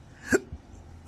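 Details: Adult man with chronic intractable hiccups, not responding to any known treatments: a single abrupt, short hiccup in a quiet room.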